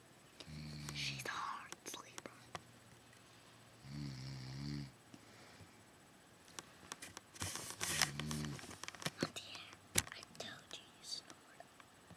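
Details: Adult woman (aunt) recorded snoring at night: two low, buzzing snores about three seconds apart, with soft whispering, clicks and room noise; ordinary snoring.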